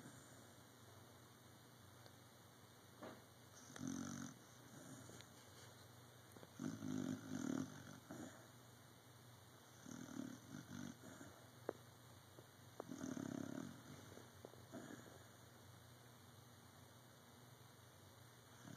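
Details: Dog snoring in sleep: soft, rough snoring sounds, about four over twenty seconds, with steady room hum.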